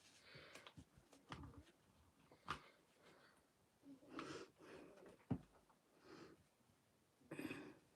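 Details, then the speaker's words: A sleeping female pet, probably a dog, snores up a storm: irregular bursts of noisy, rattling breath sounds in a quiet small room. "I don't know if you can hear her she's over here snoring up a storm"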